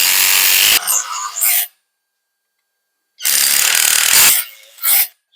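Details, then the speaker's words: Two bursts of harsh, high-pitched buzzing with a silent gap as a powered bone saw makes the chamfer and posterior femoral cuts, posterior part protected, during a revision hinged knee replacement; bone saw cutting. "we need to protect the posterior part, protect this, and then you take the posterior cut."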